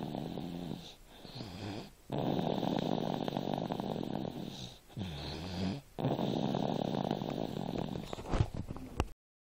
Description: my 2yr old snoring